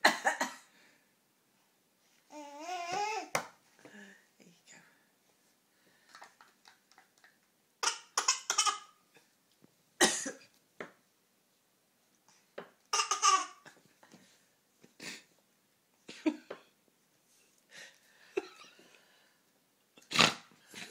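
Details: Mother with a tickly cough gives short dry adult coughs; her toddler imitates each one with babbling and playful copied coughs in a small room: cough imitation.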